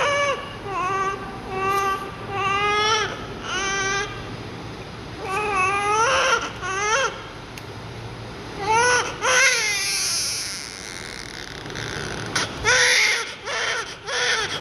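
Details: Newborn baby crying loudly before a diaper check and cleaning: rhythmic, repeated wails with brief pauses for breath, and some room noise.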